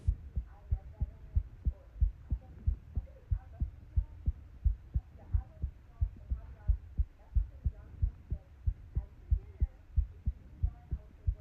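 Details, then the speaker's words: Heartbeat caught incidentally in a recording while crocheting: steady low thumping at about 92 beats a minute with faint background voices or room sound. "caught my heartbeat in the audio."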